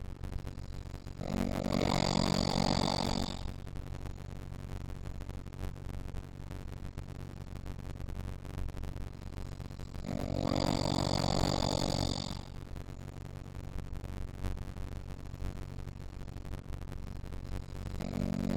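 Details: Snoring recorded with the SnoreLab app: loud, harsh snores about every nine seconds on each inhalation, roughly seven breaths a minute, with a steady hum between; snoring.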